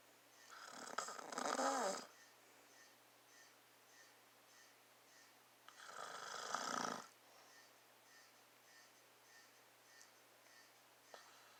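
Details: Dad snoring: two loud, rough inspiratory snores about five seconds apart, with quiet breathing between, in a still room.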